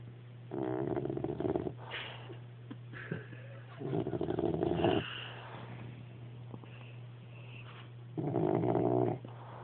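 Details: A dog sleeping upside down after doggie daycare, snoring: three drawn-out, vibrating snores about every three to four seconds, with quiet snuffles between, over a low electrical hum.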